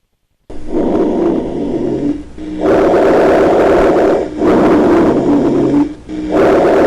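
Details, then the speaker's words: Rhonchi, low coarse snoring sounds from narrowing of medium and large bronchi, heard in both respiratory phases but mainly expiration, changing with cough and expectoration, and rising and falling with each breath. "se escuchan en todas las regiones de altura son movibles y cambiantes se escuchan los dos tiempos de la respiración Aunque fundamentalmente la espiración ofrecen sensación palpable que se denomina frenito bronquial y se modifican con la tos y la expectoración"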